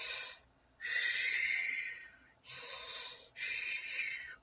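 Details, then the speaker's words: Loud, hollow, high-pitched breath sounds with a clear pause between inspiration and expiration, like air passing through a tube, in a clinical auscultation teaching review; bronchial breath sound. "é só um som de um ar passando por um cano"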